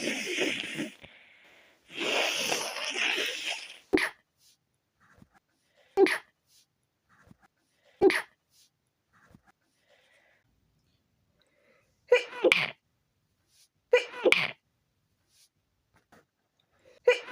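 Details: Stifled sneezes after the windows were left open overnight, leaving a very tickly nose: two breathy in-breaths, then about six short, muffled bursts held back with the mouth closed.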